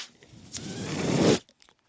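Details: The speaker's own mechanical ventilator, heard while he talks: a single rising, rasping rush of air lasting about a second that cuts off sharply as the ventilator delivers a breath.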